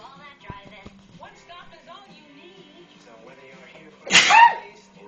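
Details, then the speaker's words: One loud, explosive sneeze from a person over quiet background music while a kitten plays with yarn; the kitten seems to think the sneezes come from the yarn and runs away. "the cat is thinking that the yarn's making that noise and so every time you like sneeze it like runs away from the and hases"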